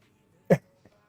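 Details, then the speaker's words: Adult cough, which the person thinks is probably COVID (untested): a single short, sharp cough followed by a faint second burst. "Your cough is bad. Yeah. I think I it's probably just have COVID."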